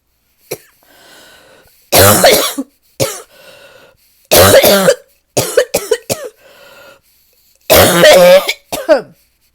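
Deep, harsh, barking coughs in repeated bursts from an adult, with quiet room hum between fits.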